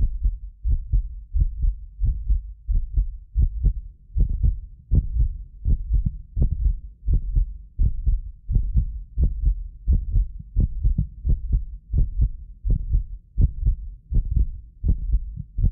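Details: Heartbeat of a medically fit adult recorded with more than six precision contact microphones; strong steady lub-dub at about 85 a minute, occasional doubled clicks from a 6 ms microphone delay; normal heart sounds.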